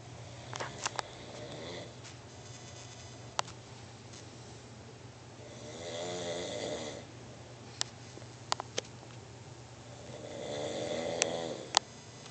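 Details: Snoring: slow rattling snores, two long breaths in about twelve seconds, with a few sharp clicks and steady room hum between.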